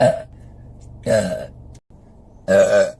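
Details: Three loud, short, voiced belches in quick succession; burping.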